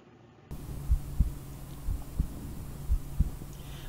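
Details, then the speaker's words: Robotic stethoscope heart auscultation on a human subject, comparing visual registration, Bayesian optimization and expert-directed placement: clear paired lub-dub normal heart sounds at about 60 beats a minute over a steady low hum; other placements give weak sounds or sounds obscured by breathing. "heart sound can be clearly heard we can only hear weak heart sounds here the heart sounds are obfuscated by breathing sounds"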